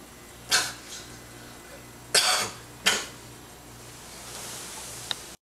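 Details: Three short, harsh, noisy bursts over about five seconds, like coughs or throat clearing, against a steady low hum, recorded while one person plugs a snoring man's nose; cough.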